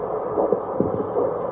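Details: Handheld obstetric Doppler with gel, demonstrated without a pregnant patient and happening to land on a vessel of the adult operator, picks up the operator's own arterial pulse at 60–70 a minute: rhythmic whooshing pulses over a steady hiss.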